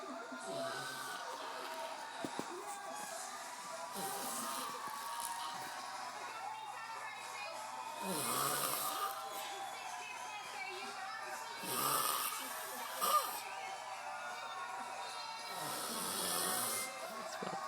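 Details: Sleeping person: soft, breathy snores every few seconds over steady room noise; snoring.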